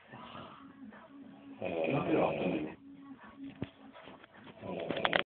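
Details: Snoring in an adult man who is drunk and asleep on a sofa: harsh, rasping snores partly masked by low voices talking in the room.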